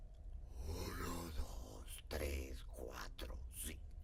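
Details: Adult male with unilateral vocal fold paralysis, counting one to five before rehabilitation; very breathy voice with air escape; pre-treatment maximum phonation time 6 s, F0 99 Hz, intensity 54 dB, jitter 4: breathy voice.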